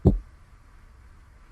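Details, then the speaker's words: Low heart thumps; after S2 a brief delay, then an opening snap, a decrescendo and a later crescendo delayed low diastolic rumble: mitral stenosis with opening snap. "all right so i hope you're able to appreciate the s2 dub a little bit of a like a micro delay and then you hear the opening snap followed by the decrescendo and then later a little bit of crescendo delayed diastolic rumbling"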